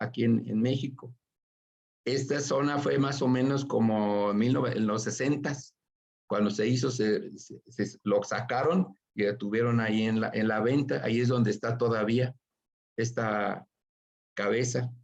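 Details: Adult male with aphasia after a stroke (acquired brain injury), presenting in Spanish in an aphasia workshop; aphasia.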